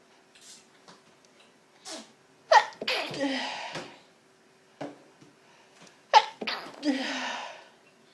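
Two forceful sneezes, each preceded by a catching inward breath, in a quiet room, triggered by inhaled pepper.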